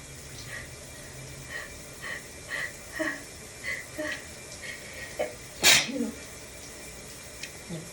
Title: Shower variety sneezes